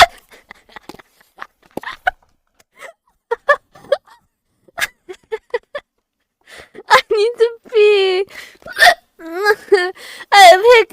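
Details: Streamer's hiccup attack: repeated short, sharp hiccup sounds, some with voiced squeaks, amid laughter-like vocal bursts.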